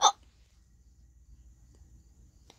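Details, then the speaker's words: Single sharp, abrupt hiccup followed by near silence and faint room noise, recorded while a person with the hiccups attempts tongue twisters. "okay I'm going to do talking to a but I have the hiccups right now so she sell see sells this is actually harder"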